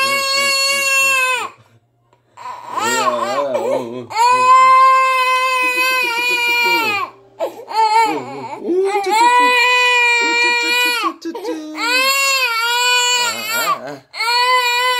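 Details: Infant startled by father's shouting, crying: long, loud, high-pitched wails with brief gasping pauses.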